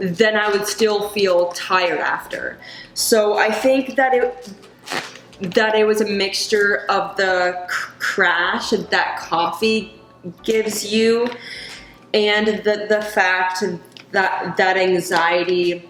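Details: Adult woman who stutters; she reports that caffeine worsens her stutter and anxiety, and she recently gave up coffee but still drinks tea and decaf; stuttering.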